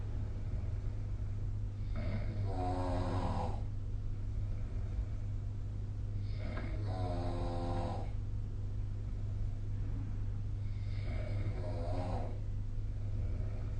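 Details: Ordinary sleep snoring recorded for a snoring-tracking app: three rough, fluttering snores every 4–5 seconds, about 13 per minute, over a steady low hum; snoring.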